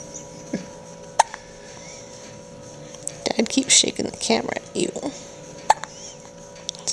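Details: Newborn baby, about 2 hours 45 minutes old, just after her first big feed: about three sharp, abrupt gulping clicks spaced seconds apart, with adult talk in between: hiccups.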